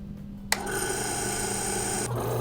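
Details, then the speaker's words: Nebulizer compressor switched on for a breathing treatment of a COPD patient in an educational demonstration: a click, then a steady buzzing, hissing machine drone while she inhales through a sealed mouthpiece. "so the medication gets into your lungs and it gives you all the medication that you need I'm going to turn on the machine"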